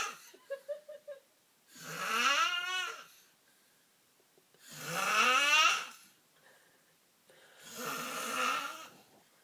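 Three loud, rising, rattling snores on inhaled breaths, about 20 a minute, with short squeaky sounds before the first. Heavy snoring.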